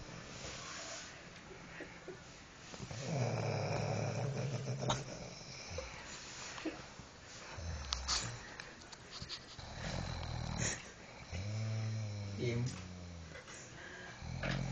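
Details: Sleeping dog snoring: rough, rumbling breaths in and out with snorting noises and some room noise.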